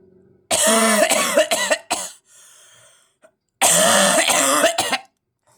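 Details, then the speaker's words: Two loud bouts of harsh, strongly voiced coughing, each a rapid run of several bursts, recorded while travelling on the interstate. "I just coughed I not be able to do that"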